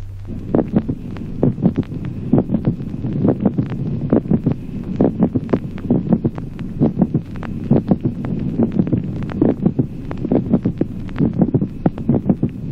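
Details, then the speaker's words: Mid-systolic click: regular heart sounds near 67 beats a minute, with a brief extra sharp sound at about the middle of systole. "ejemplo séptimo clic mesosistólico Aproximadamente en la mitad de la sístole un ruido adicional breve"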